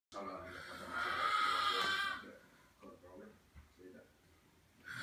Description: Caught my Father snoring. Priceless